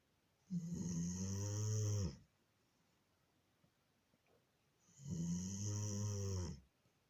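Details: Two long, loud, deep rattling snores on inhalation separated by a quiet pause, from a sleeping 9-year-old female Doberman; very loud snoring.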